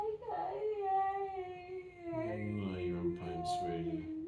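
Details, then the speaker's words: Adult woman with 22q11.2 deletion syndrome, autism and ADHD, in intense pain with expected seizure activity; heart rate 94 (baseline 52), oxygen 98%: drawn-out wavering moaning cries with a lower voice joining, crying in pain. "sweetie I get it I really do I'm so sorry sorry to it's going to pass medications have given you in the next 15 minutes it is going to subdue your pain"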